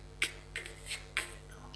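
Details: Demonstration of a stammering difficulty between the onset phoneme and the rest of the word, getting stuck on the initial plosive 'k' of a name: stuttering block on a plosive.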